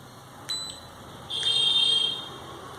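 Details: Short click then brief high-pitched electronic beeps over faint room noise: a fingertip pulse oximeter powering on after its battery is fitted and power button pressed.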